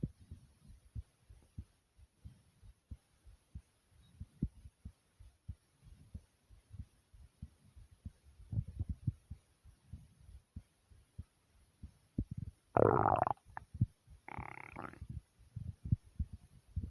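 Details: Person's own heartbeat recorded at normal pace: steady low thumping with two brief bursts of rubbing noise near the end; normal heart sounds.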